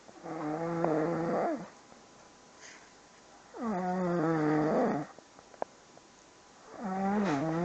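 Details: A man's long, loud, droning snores with a rough rattling quality, about three in under eight seconds; ordinary snoring.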